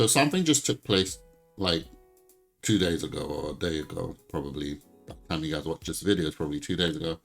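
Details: Adult male speaker; ordinary speech.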